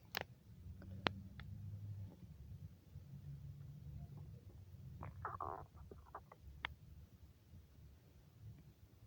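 Low rumbling gurgles with a few higher squeaky gut sounds, typical hunger-related stomach growling.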